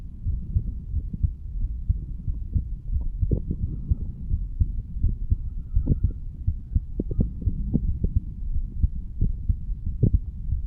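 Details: 35-year-old man standing up, heartbeat recorded at the mitral/bicuspid valve area: steady low thumps in regular pairs, about 80 beats a minute, over a rumbling background; normal heart sounds.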